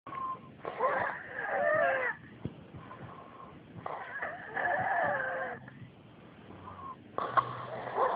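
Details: Male snoring loudly in sleep, with whistling, wheezy, high-pitched squeaky snores on each breath, about 19 breaths a minute; snoring.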